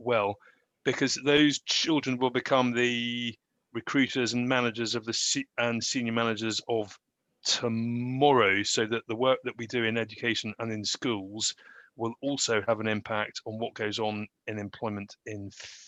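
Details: Stammering in an adult male.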